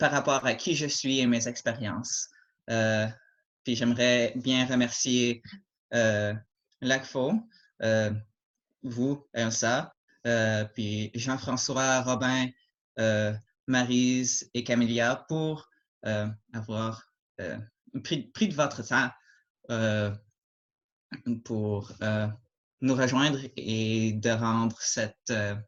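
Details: Adult male who stutters, mild to moderate depending on circumstances and day, with repetitions and blocks; French speech; stuttering.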